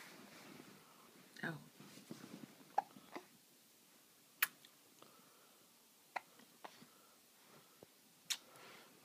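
Brief sharp catches of breath recurring irregularly in a quiet room: hiccups.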